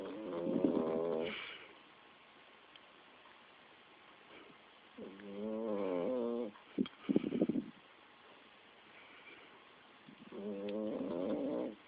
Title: 5 month old Shi Tzu snoring while he sleeps.